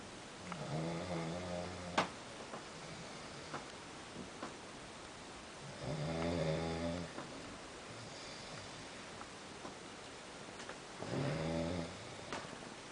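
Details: Person found asleep in bed snoring: three long, rough, vibrating inhaled snores about five seconds apart, roughly 12 a minute, in a quiet room.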